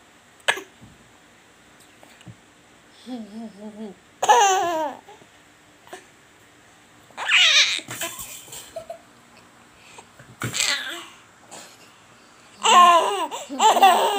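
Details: Infant learning to lie on the tummy laughing so hard it coughs: bursts of happy laughter and babbling, with short coughs breaking in after hard laughs; harmless laughing cough.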